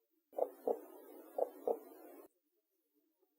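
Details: Normal heart sounds heard by stethoscope during simulated ASMR role-play health check-up, patient asked to breathe in and hold breath.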